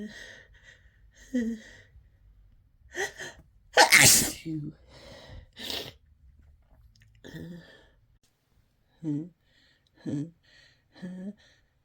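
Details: Desperate, harsh sneezing triggered by chhinkni nasal snuff: one forceful sneeze with a sharp intake before it, surrounded by short sniffs, snorts and small gasps.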